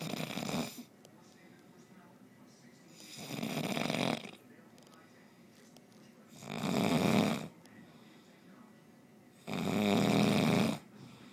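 Four loud rattling snores about every three seconds, around 19 a minute, with quiet pauses between them: snoring.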